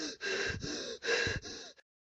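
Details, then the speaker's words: Rapid, loud, gasping breaths in quick succession, acted: shortness of breath with chest tightness and fast breathing rate during an asthma attack, following cough or wheeze. "Ça commence par une toux ou un sifflement. Très rapidement, tu ressens une oppression thoracique. Ta fréquence respiratoire s'accélère. Tu es à court de souffle."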